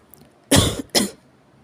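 Two harsh, forceful coughs in close succession; strong, deep coughing.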